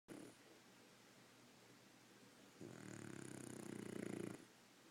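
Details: Snoring: quiet rough breathing, then a rattling, fluttering snore of under two seconds on the breath.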